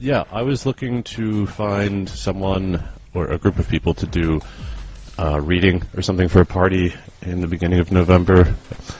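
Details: Adult male speaker; Normal speech.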